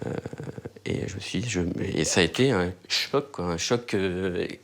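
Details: Adult French-speaking father who himself stutters, interviewed in 2014; stuttering.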